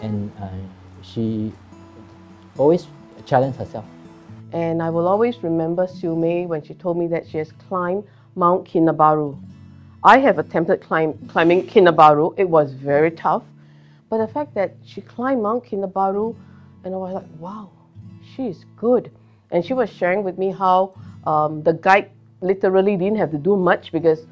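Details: Adult woman speaking, with guitar music in background; ordinary speech.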